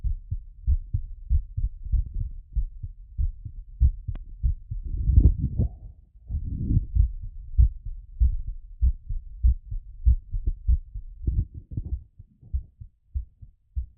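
Steady, slightly quick heartbeat at about 97 beats a minute, heard through a stethoscope during recovery after exercise.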